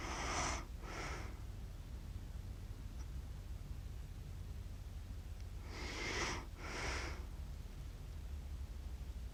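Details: Adult accidentally recorded while asleep with cats, described as snoring funny: paired noisy, whistly snorting breaths separated by quiet pauses over steady room hum; irregular snoring during sleep.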